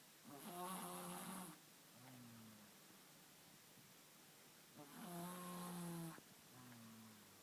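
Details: Pet dog snoring at night, a sound unfamiliar to the owner who woke to it: two long, buzzing inhaled snores, each followed by a softer groaning outbreath, about eight breaths a minute.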